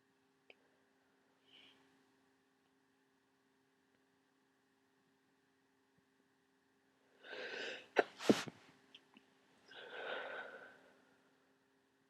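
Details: Person near the end of a cold with lots of thick congestion: a quick inhaled gasp and an explosive sneeze, then a short nose blow, in a quiet room.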